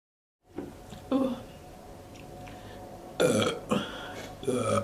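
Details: Several loud, rough belches in a row with short gaps between them, from a compilation of women burping; ordinary burping.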